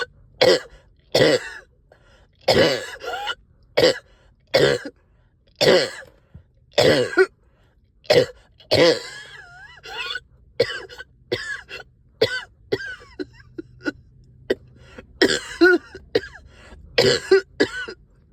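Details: Productive cough, up coughing all night with stubborn sticky phlegm, heavy chest and headache: about fifteen harsh coughs and throat clears in repeated bursts, rattly and phlegmy.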